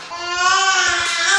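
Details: A baby girl pretending to cry: a sustained, steady infant wail that stops as soon as a parent approaches, sometimes turning to laughter; fake crying.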